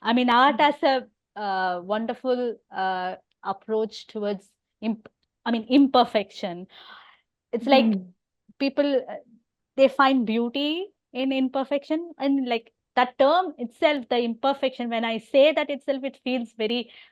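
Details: Adult woman with overt stammering who also has hearing loss; stuttering.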